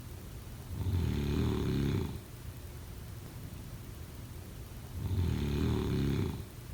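Two loud, rattling snores on breathing in, separated by quiet pauses; snoring in sleep.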